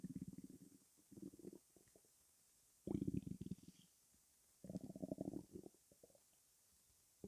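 Bursts of bubbling, gurgling rumbles separated by quiet pauses; ordinary stomach rumbling.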